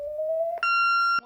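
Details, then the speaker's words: Short rising tone, then a steady high beep: a corpuls3T defibrillator charging, limited to a maximum of 50 joules, with shock spoons pressed to the heart during cardiac surgery. Shown as a training demonstration. "I'm ready. Please charge. >> Charging. Okay."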